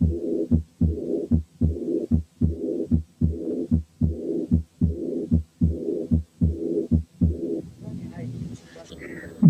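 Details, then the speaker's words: Aortic regurgitation caused by syphilis: blowing early diastolic murmur with a somewhat ringing second sound, regular heartbeat near 75 a minute. "نسمع مثال تاني لأيورتيك ريجرجيتيشن سببه سيفلس، وعشان كده السكند ساوند فيه له رنة شوية."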